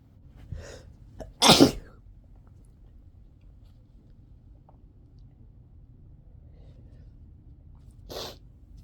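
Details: Repeated sneezing, which the person started stifling partway through from being tired of it. One forceful, explosive sneeze after a quick intake of breath, then a softer second sneeze seconds later.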